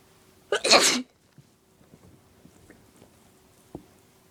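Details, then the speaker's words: One forceful sneeze, then quiet room noise with faint small sounds, from an adult woman sneezing after deliberately induced allergies: allergic sneezing. "Oh, they're so messy. Here comes another one. They're getting stronger."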